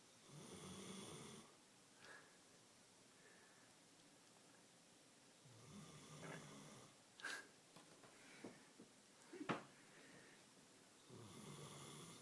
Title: Snoring Dog